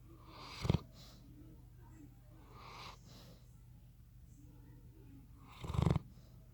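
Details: Sleeping Bloodhound dog snoring: snorting, fluttering breaths with two louder rumbling snorts.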